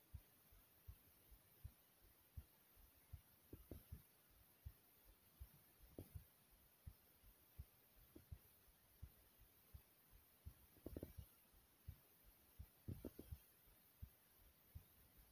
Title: My Soft Heartbeat ❤❤